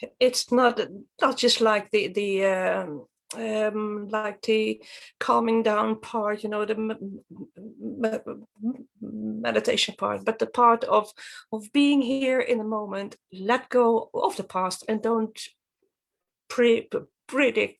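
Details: Adult woman from Sweden who stutters; stuttering.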